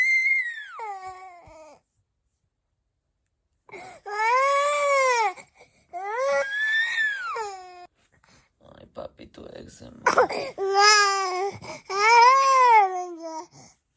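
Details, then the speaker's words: Infant boy with RSV, fever all night, crying non-stop: repeated rising-falling wails with pauses between; infant crying during RSV illness. "you know he's just he's been crying non-stop so"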